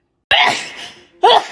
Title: TikTok Sneezing 45